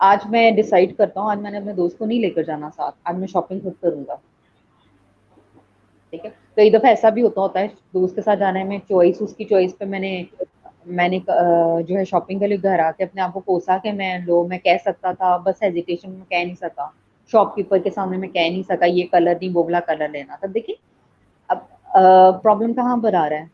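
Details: Adult speaker; typical speech.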